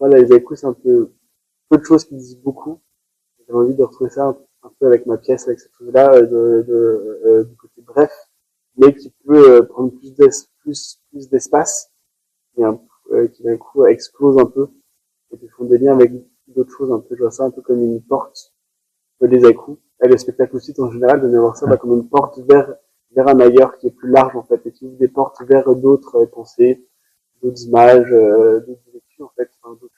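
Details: Adult male performing artist who has stuttered since about age 5, worsening in adolescence; stuttering.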